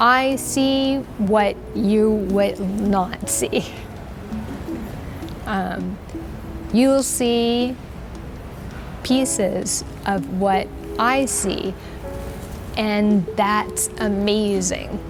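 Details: Adult with aphasia, a communication disorder usually due to stroke, attending a book club for adults with aphasia; aphasia.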